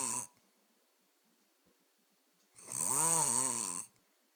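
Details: Sleeping person: a long, buzzy, rattling snore on a breath, with the end of another at the start; snoring loud enough to keep a bed partner awake.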